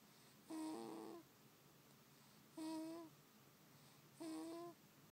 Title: SNORING BABY (-;